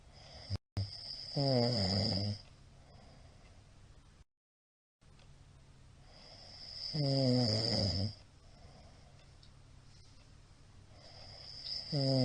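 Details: Middle-aged man's loud snoring during sleep: grating snores with a rising rattling tone, roughly every five to six seconds, over a steady background hum.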